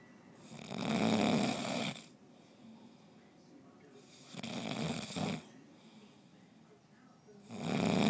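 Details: Exhausted sleeper: loud rattling snores on each in-breath, about three in eight seconds, with quiet pauses between: snoring.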